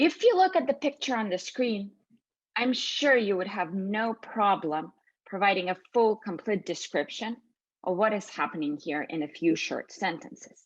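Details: Adult female speaker; Normal fluent speech.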